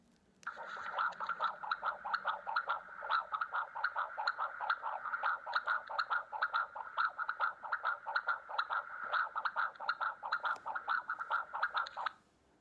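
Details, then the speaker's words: Second-trimester fetal heartbeat recorded at a 3D/4D ultrasound, female fetus with hiccups seen on screen: fast, regular whooshing beat about 140 a minute, with occasional irregular beats from the hiccups. "i wish i could hear like the original heartbeat without it but you could hear that she kind of has the hiccups in the heartbeat so i feel like that was pretty cool"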